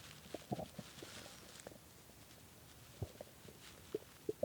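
Scattered short gurgles and low rumbles over a quiet background, fitting hunger stomach growling, a normal bowel sound.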